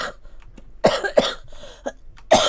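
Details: Girl coughing during a Korean PUBG gaming voice chat: a run of four or five dry, sharp coughs with short pauses between them.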